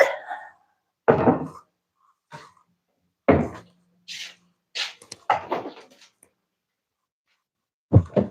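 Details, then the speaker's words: Adult man eating breakfast gives a few abrupt, harsh coughs and clears his throat, with small clinks and quiet room noise between. "You hear that? He's coughing."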